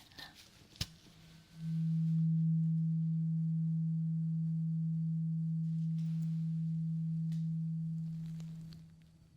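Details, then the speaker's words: Acted ASMR ear exam role-play: a struck tuning fork gives a steady low pure hum lasting about seven seconds before fading as the listener is asked to say when the sound stops; tuning fork hearing test. "I have a tuning fork, and I want you to tell me when you hear the sound stop."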